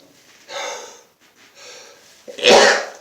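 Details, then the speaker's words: Adult man sneezing non-stop all day from allergies: two drawn-in breaths, then one forceful explosive sneeze; allergic sneezing. "I've been sneezing all day and I thought hey I would take a video of it because it's like non-stop"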